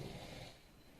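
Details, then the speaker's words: Early-morning snoring from the speaker's sleeping husband in the background: a single low, rumbling snore from an adult, fading out within about half a second. "Soalnya ini masih pagi banget dan Hai Pak Suami masih tidur untungnya tidak pernah terganggu dengan saya bikin video ya tapi ditetapkan aja ngorok hehehe"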